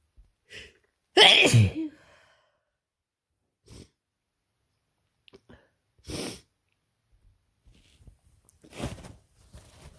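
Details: A loud sneeze, then several softer sniffs and breathy near-sneezes in a quiet room, from a person with a cold: sore throat, then a very runny nose and heavy congestion.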